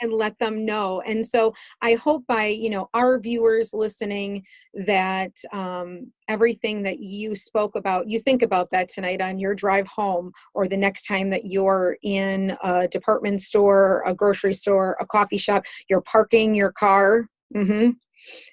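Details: Adult woman speaking; ordinary speech.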